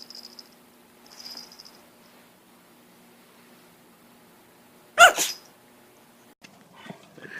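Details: Puppy sneezing: a single sharp, explosive sneeze against a quiet room with faint squeaks.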